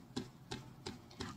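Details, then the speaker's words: Cupped-hand chest percussion over the right anterior upper lobe, between nipple and clavicle lines, with the pediatric patient supine and flat during chest physiotherapy: four hollow, evenly spaced pats about three a second to loosen secretions. "And I'm going to start with percussing above, between the nipple line and the clavicle line, first, on the right for 1-2 minutes and then on the left for 1-2 minutes."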